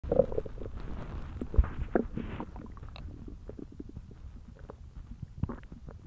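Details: Hungry belly: low gurgling and rumbling with scattered irregular pops; ordinary hunger stomach growling (borborygmi).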